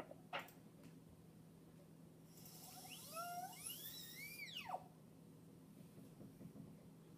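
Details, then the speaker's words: High-pitched whine rising and falling as a high-speed dental handpiece spins up, cuts and winds down in a quiet room, during a mesial proximal box preparation on a typodont tooth before extending buccally and lingually. "So I'm happy with this, happy with the depth here, so I'm just gonna go buccal and lingual."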